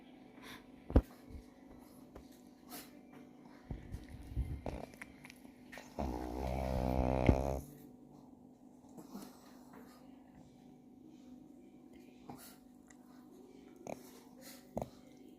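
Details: Pug, a small flat-faced dog described as fat and lazy, snoring: one long, fluttering, rattly snore in a quiet room with faint clicks and rustles.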